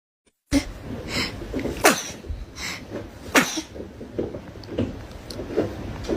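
Two sharp explosive sneezes with lighter noises between, in a small room; ordinary sneezing.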